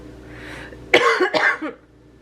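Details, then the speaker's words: Adult woman with a chesty cough: two quick, rough coughs, with roughness audible in the chest. "Oh, when I cough, you can hear how much roughness I have on my chest."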